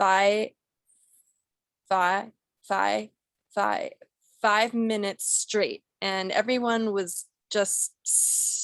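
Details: Role-played (acted) stuttering by a client in a clinical skills therapy scenario, with word repetitions.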